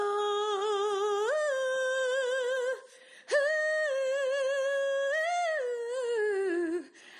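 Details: Female singer with diplophonia; upper range is fine but middle range is unstable, followed by throat clearing.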